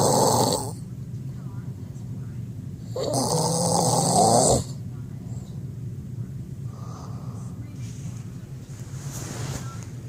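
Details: Two harsh, rattling inhaled snores about three seconds apart over a steady low background hum; snoring.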